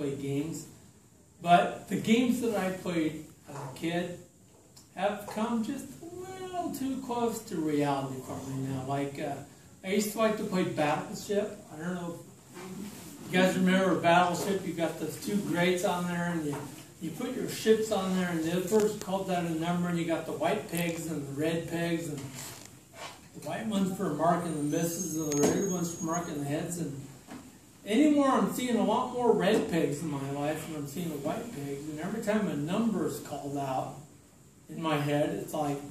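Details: Adult man with slowly progressive, evolving ataxia diagnosed in 2003, affecting his speech, writing and balance, giving a talk at an ataxia support group; ataxic dysarthria.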